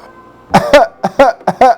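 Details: Three voluntary coughs recorded during nasal endoscopy of the larynx: each a sharp burst with a brief voiced tail, showing normal cough closure.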